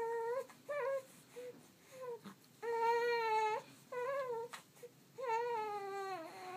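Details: 1-month-old infant protesting tummy time: repeated fussy cries with whimpers between bursts in a small quiet room; ordinary protest crying.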